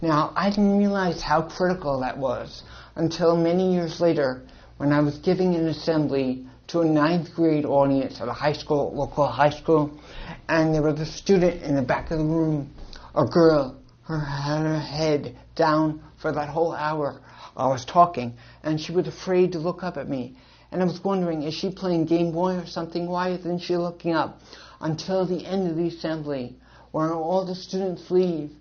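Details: Adult man born with cerebral palsy and associated hearing loss; dysarthric speech associated with cerebral palsy and hearing loss.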